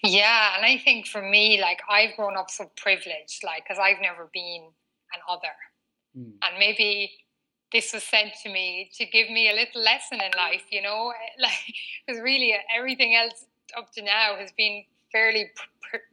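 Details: Adult woman aged 39, a former covert stutterer who now stutters openly, with a stutter marked by frequent word repetitions; she has had speech therapy including fluency techniques: stuttering.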